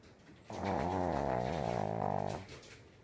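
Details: Pet Shih Tzu dog snoring loudly, a deep snore likened to a cow's moo.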